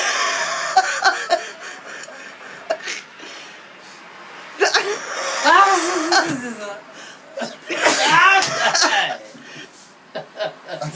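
Loud sneeze bursts from young men, mixed with voiced exclamations and laughter in a noisy room.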